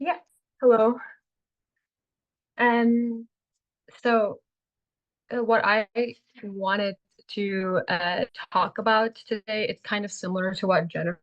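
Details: Adult man, a person who stutters and a stuttering advocate, giving a talk; stuttering.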